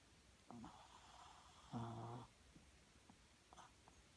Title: Popcorn snoring